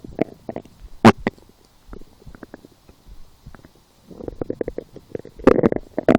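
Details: Irregular gurgling and rumbling bursts, some loud and squelchy, with quieter stretches, while lying down hungry after skipping breakfast, a small lunch and two doughnuts four hours later; borborygmi.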